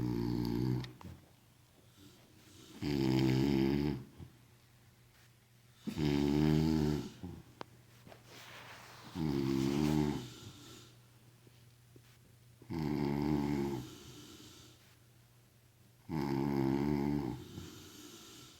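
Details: Loud, rattling snores on each in-breath, about six in eighteen seconds, with quiet out-breaths between; two sleepers snoring together.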